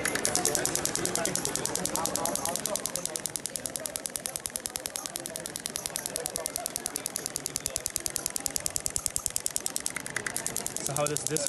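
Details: Radial shockwave therapy (ESWT) device with knuckle transmitter at energy 1.3 treating a shoulder for fascia and trigger point release: rapid, steady clicking pulses, about 200 a minute, with quiet talk.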